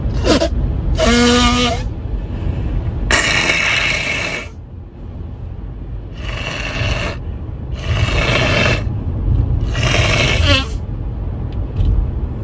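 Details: Several harsh, noisy bursts of coughing, some wet and rattly, with sniffling breaths between, from an adult with a bad morning head cold, both nostrils completely blocked, sneezing and nose-blowing.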